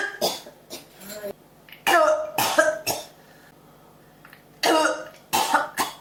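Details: Seven or eight harsh, throaty coughs in small clusters with throat clearing between, a persistent cough that will not stop, recorded as cough ASMR.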